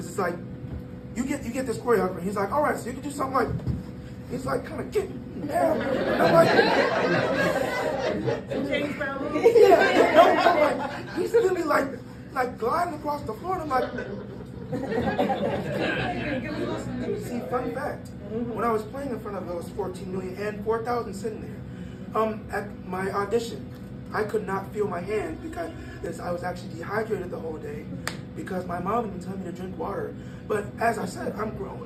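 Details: 22-year-old man born prematurely at about one pound, whose vocal cords still don't close all the way; breathy voice from incomplete vocal fold closure.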